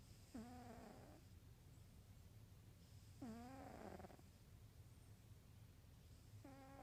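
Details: Sound-asleep orange cat, about 15–16 years old, diabetic on insulin twice daily: three tonal, buzzy snores about one second long at a slow resting rate of roughly 20 breaths a minute.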